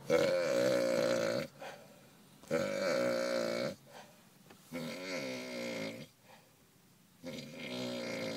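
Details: A drunk person snoring very loudly: four long, loud, groaning voiced snores, each followed by a quiet gap. Heavy snoring.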